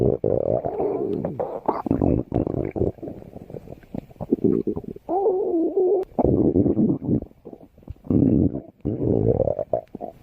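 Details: Woman's stomach growling: low gurgling, bubbling rumbles with squeaky rising tones in stretches, borborygmi.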